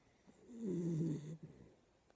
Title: My weenie dog is snoring his butt off!!